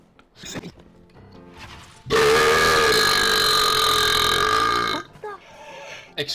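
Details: One long, loud, drawn-out deliberate burp of about three seconds made to troll players over online voice chat in Counter-Strike: Global Offensive, with game sounds and chatter around it.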